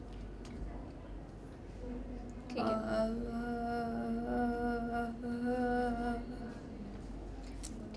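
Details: Patient with ataxia doing sustained 'aa' phonation in a speech therapy exercise; duration good but the ups and downs of the voice are still to be worked on; unsteady sustained vowel in ataxic dysarthria.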